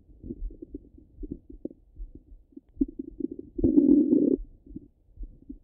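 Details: Active bowel sounds over the stomach: frequent gurgling and bubbling pops with a longer rumbling gurgle midway, from a long stomach-rumble recording.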